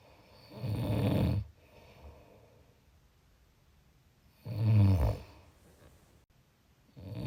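Low rattling snores on breathing in, with quiet pauses between breaths: ordinary snoring.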